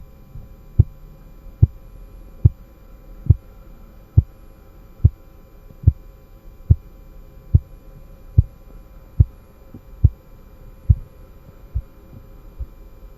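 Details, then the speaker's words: Korotkoff sounds heard with an aneroid blood pressure cuff during a fundamentals of nursing lesson; sound is weak. Faint, regular low tapping at about 72 a minute over a soft hum. "아내도 이드 혈압계 를 이용한 쿠르트 코프 음을 들어 볼 건데 소리가 조금 약하기 때문에 스피커의 볼륨을 최대한 올려서 한번 들어보시기 바랍니다"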